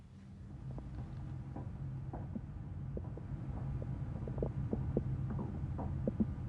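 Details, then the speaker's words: Normal bowel sounds auscultated with a stethoscope during abdominal examination, listening in the right iliac fossa; soft irregular gurgles and clicks over a low steady hum. "you may need to listen for a while if the bowel sounds are quied and tinkling bowel sounds are characteristic of intestinal obstruction"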